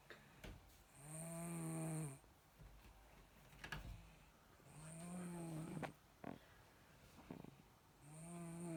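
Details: Snoring: loud, buzzing, tonal snores on each inhalation, about three in nine seconds, with quieter snorting exhalations.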